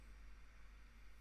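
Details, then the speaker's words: Continuous low rushing hum of endoscopic microsuction as the tube breaks down fine sticky ear wax at the ear canal entrance; ear microsuction. "there's a little bit of just very fine sticky ear wax here at the entrance we're just going to pop the the suction tube on that just see if we can break that down a little bit get rid of the worst"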